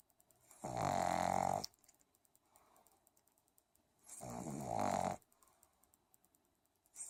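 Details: A pug sound asleep, snoring: two loud, buzzing snores about three seconds apart with quiet pauses between.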